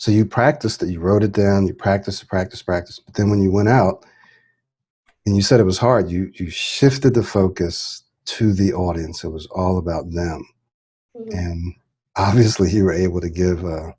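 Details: Adult male speaker; no speech disorder.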